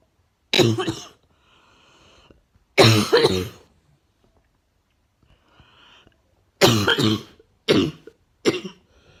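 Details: Five harsh, forceful adult coughs with audible breaths between; wet, barking cough.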